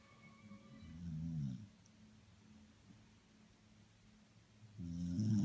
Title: Dog snoring